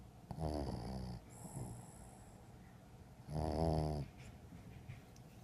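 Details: Pumpkin, a sleeping dog, giving two long rattling snores on the in-breath with a soft whistling tone, separated by a quieter out-breath; snoring.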